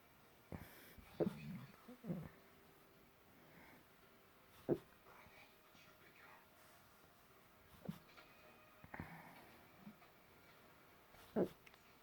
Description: This is me very hiccupy! They sound squeaky *~^.^~*